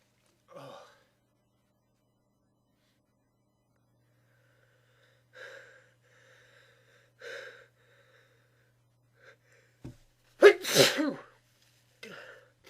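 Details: A few soft, breathy build-up sounds, then one loud, explosive sneeze into tissues.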